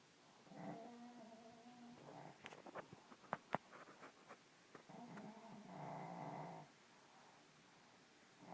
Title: Snoring Part 2